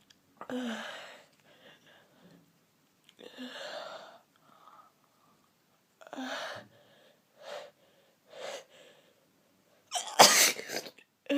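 Several sharp gasping in-breaths and short huffs build toward one loud, explosive sneeze near the end; quiet room.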